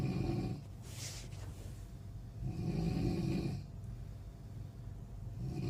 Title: Snoring sound